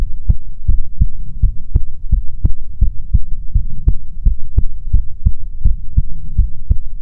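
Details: ASMR heartbeat recording: steady, soft low lub-dub thumps in regular pairs over a faint hum; a normal heartbeat.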